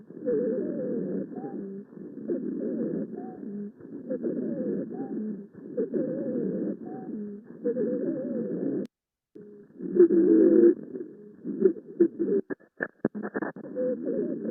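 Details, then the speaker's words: Child about 10 or 11, breathing about 46/min with retractions, still audibly wheezing after 8 mg IV Decadron and nebulized albuterol-ipratropium; rapid noisy breaths through an Eko stethoscope with musical whistling: wheezing. "that sounded pretty terrible right and that's after giving the patient Decadron we gave him 8 milligrams IV we gave him a DB which is alal and iper tropial nebulize treatment and he was still breathing 40 something times per minute he was still having audible wheezing"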